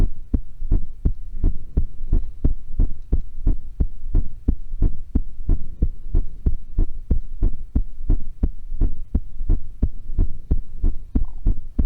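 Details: Steady, regular heartbeat at about 90 beats a minute with clear paired lub-dub sounds, recorded while playing a scary horror game; a scream may also be heard; normal heart sounds.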